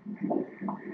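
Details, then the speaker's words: Obstetric ultrasound Doppler at 15 weeks of pregnancy, fetus sucking thumb and moving legs: rhythmic whooshes of the fetal heartbeat at 155 beats per minute, normal. "Let's hear the baby's heart beating here."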